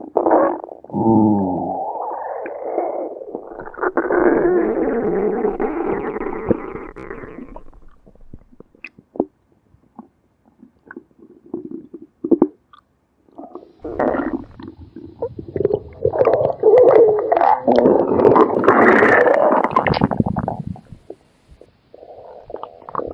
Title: Stomach Growling Sound Effects (FREE TO USE)